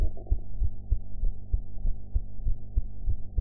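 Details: Own heart sounds recorded after eating ("blue"), audio quality enhanced afterwards: regular muffled heartbeat, about 98 beats a minute, over a low hum.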